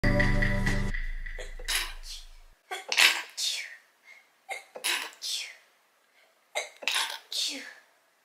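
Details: Three quick sneezes in a row from an adult, each a brief intake followed by a sharp hissing burst.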